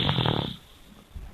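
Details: Young child snoring loudly while asleep, one loud rough rattling snore then quiet breathing; described as very loud, possibly because he was tired from being active all day; snoring.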